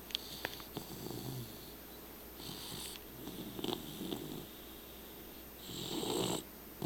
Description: My red nose pitbull LuLu snoring lol